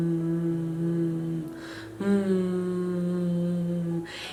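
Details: Woman imitating (acted) the repetitive humming her roughly 19-year-old male cousin makes while concentrating on tasks, often unaware; he is autistic, diagnosed with Asperger syndrome when young; presented as echolalia; vocal stimming.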